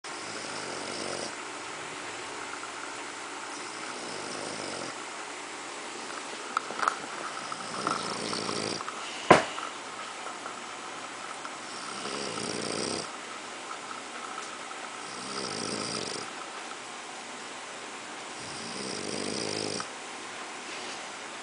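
Slow, regular rasping snores on each breath, about five in twenty seconds, over steady room hiss.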